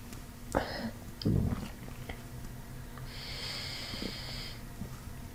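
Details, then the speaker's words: Low gurgling and rumbling abdominal bursts, then a brief high squeaky tone, during diaphragmatic belly breathing in a chiropractic gut session; bowel sounds (borborygmi). "Diaphragmatic breathing increases gut motility. Come on, belly breath. No. That's so crazy. There's more."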